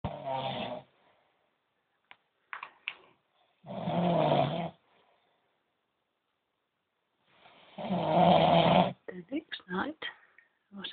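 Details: Snoring from an adult man who insisted he never snored: deep, rattling snores on each breath, about 15 a minute, with short snorts and quiet gaps between.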